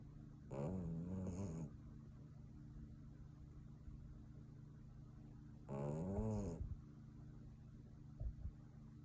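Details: Two wavering, squeaky snores a few seconds apart over steady background hum from a sleeping puppy; puppy snoring.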